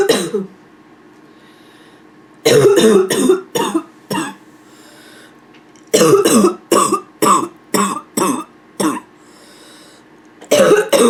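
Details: Nonstop barking cough: repeated harsh, barking coughs in quick clusters with brief pauses between bouts; some throat clearing occurs toward the end.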